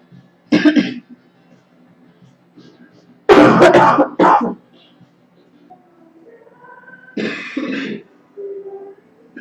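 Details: Girl coughing: a single cough, then a short burst of two coughs, then a throat clear, over faint background music.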